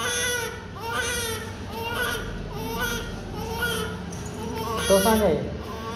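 Rhythmic, strong crying of a newborn in repeated bursts with room noise and adult voices; a vigorous, healthy newborn cry.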